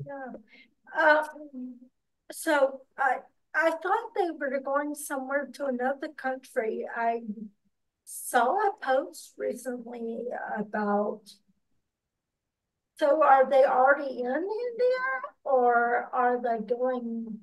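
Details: Podcast host with ataxia who reports doing extensive work on word pronunciation, type of ataxia not stated; ataxic dysarthria.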